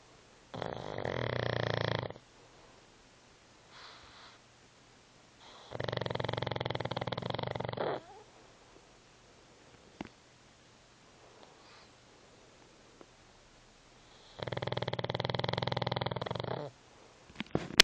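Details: Three long, harsh, rattling snores on breathing in, with quiet gaps of several seconds between them; loud snoring.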